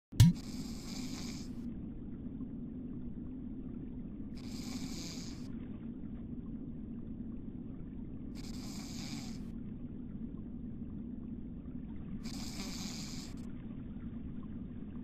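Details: Person asleep on her microphone; four slow, rhythmic hissing breath sounds over steady low room hum, about 15 breaths a minute, fitting snoring in sleep.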